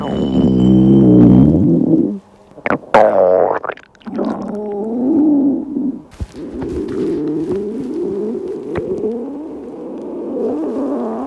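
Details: Stomach growling from a girl fasting for a day on a diet: loud, low gurgling rumbles that rise and fall over several seconds, broken by brief pauses, from hunger; a normal gut sound.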